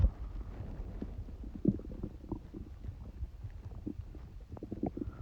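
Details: Stomach noises recorded while having a cold: soft, irregular low gurgles and rumbles from the belly; bowel sounds.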